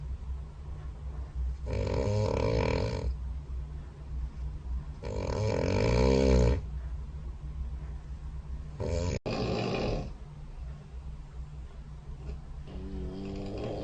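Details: Loud habitual overnight snoring recorded by a SnoreLab phone app beside the bed: deep, rattling, grunting snores on each breath in, about four in fourteen seconds, with quieter breathing between.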